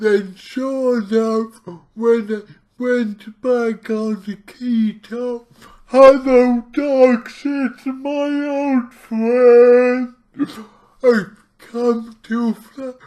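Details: Dysarthria from cerebral palsy in an adult male speaking about his own condition, heavily distorted speech, about two weeks into trying a keto diet to see its effect on his cerebral palsy.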